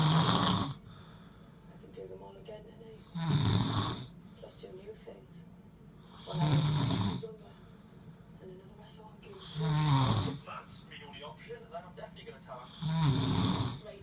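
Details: Simulated snoring from a TV drama scene: loud, rattling inhaled snores about every three seconds, roughly 19 a minute, with quiet gaps between.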